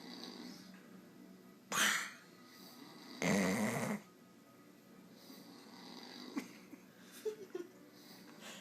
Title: That guy snoring